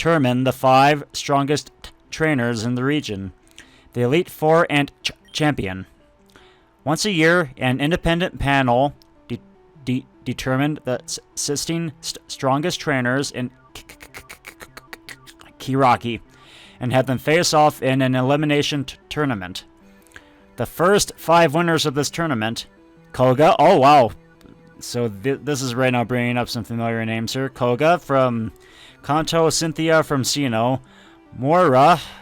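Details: Stuttering in an adult man who says he tries to control his stutter while recording and only realized he had it a couple of years earlier.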